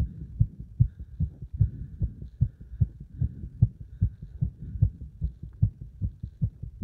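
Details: Heart sounds recorded after combined beeper test and squats (hard exercise): strong, regular low heartbeats at about 75 per minute; heart sounds after exercise.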